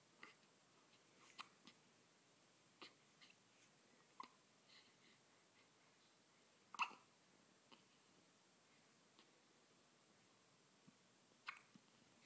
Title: Hiccups